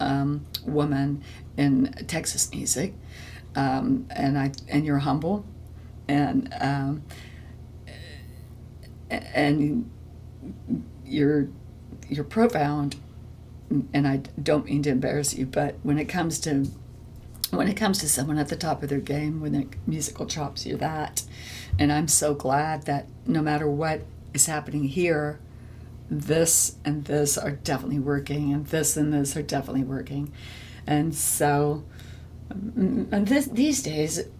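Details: Adult woman with spasmodic dysphonia, a vocal cord disorder in which the vocal cord muscles spasm; spasmodic dysphonia.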